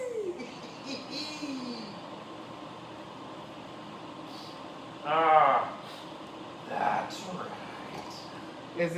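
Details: Adult man's sneezing fit of 4 sneezes in under 2 minutes: one loud, voiced sneeze burst, then a quieter sound, over outdoor background noise.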